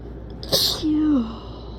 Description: I REALLY wanted to sneeze, and not in an allergy or cold way 😏😉😊 These felt nice